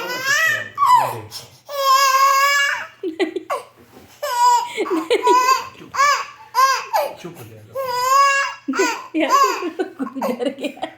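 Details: Young son crying angrily after being startled by his parent's sneeze: repeated wailing cry bursts, with adult voices briefly in the room.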